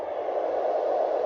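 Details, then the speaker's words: Simulated womb sound from a baby sound machine beside a newborn's bed: a steady, muffled whooshing hiss that mimics intrauterine background noise, likened to the background noise of an ultrasound. "so and it it mimics the sound of the womb it also has the sound of rain"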